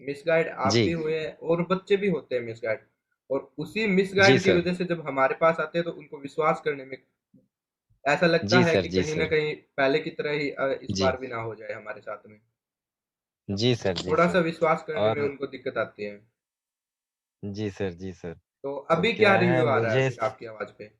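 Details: Adult male speaker; ordinary speech.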